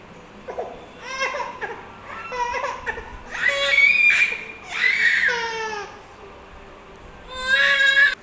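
Children's wailing cries mixed with babbling and playful sounds indoors; ordinary crying during play.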